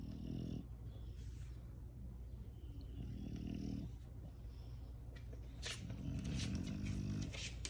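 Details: Puppies or dogs snoring.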